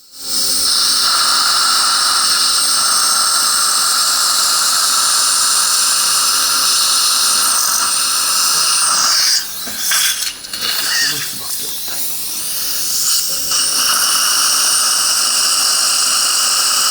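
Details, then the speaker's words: Dental implant drilling in a 29-year-old male, immediate implant after extraction at tooth #25 with bone graft; steady high-pitched drill whine, briefly interrupted then resuming, preparing the implant site in bone with slight sinus floor penetration. "Looking at depths gauge sinus floor is slightly penetrated this has been confirmed. 4.0 by 10 millimeter final drill is going to be used at the 4.5 diameter implant is going to be placed, but to get good primary stability from the sinus floor."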